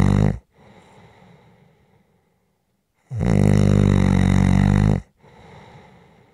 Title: SNORING For Rest Relaxation Sleep and White Noise